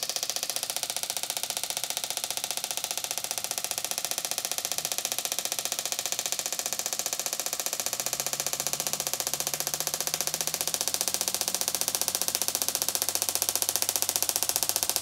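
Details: Steady, fast, rattling ticks at about two per second with a rising whir: an extracorporeal shock wave therapy device pulsing during a 13-year-old quarter horse mare's third treatment; she is intermittently lame for months and much improved.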